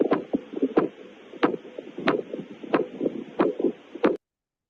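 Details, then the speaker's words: Duroziez's sign in aortic regurgitation with an early diastolic murmur: sharp regular arterial beats at about 91 a minute with a whooshing to-and-fro bruit between them. "Diastolic m diastolic m early diastolic m and what is this finding? This is finding in iotic regurgitation called buros duro sign is a sign and any other names?"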